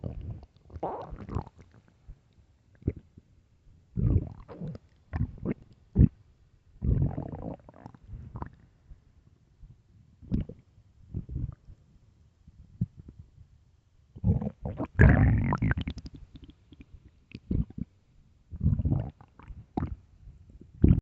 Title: loud deep #emptystomach #stomach stomach growls